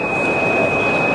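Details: Simulated tinnitus sound from audiometry software run with a connected audiometer and high-frequency headphones, used for matching a patient's tinnitus by band width from pure tone to white noise: a steady high-pitched whistle over a hissing noise bed.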